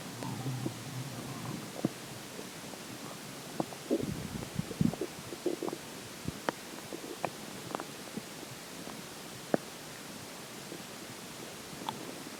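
Faint gurgles, squeaks and rumbles from the stomach after drinking water, heard over steady hiss; ordinary stomach growling.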